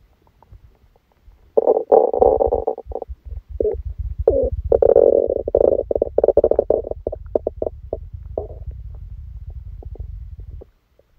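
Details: Abdominal sounds recorded during a stomachache after Christmas dinner while the person slept: loud bursts of gurgling, bubbling rumbles lasting several seconds, then fading; active bowel sounds.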